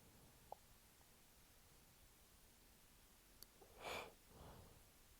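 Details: Stifled sneeze in a male waking with repeated sneezing fits every 30–60 minutes on a cold morning: quiet room, sharp caught breath, muffled held-in burst, soft exhale.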